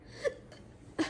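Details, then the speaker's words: Hospital patient recovering after foot surgery, on pain medication: two sharp, abrupt voiced hiccups about 0.75 seconds apart, hiccups that won't go away. "but my toe is still quite so i've got the hiccups my toes look quite sore"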